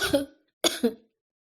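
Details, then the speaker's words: Acted demonstration of cold-related cough during seasonal change: one harsh throat-clearing sound followed by a short double cough. "ज़्यादातर क्या होता है जब मौसम बदलता है तो आपको ऐसी आवाज़ें अक्सर सुनने के लिए मिलती हैं।"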